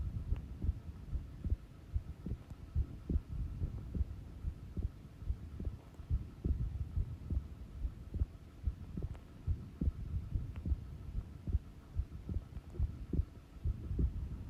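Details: Normal resting heart sounds, a slow heartbeat recorded at rest: steady low thumping heartbeat at about 70 a minute under a faint hum.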